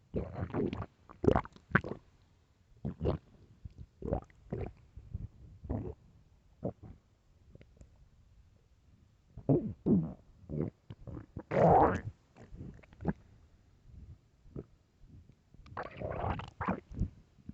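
Loud, irregular gurgling and rumbling bursts with quiet gaps: ordinary hunger-related stomach growling.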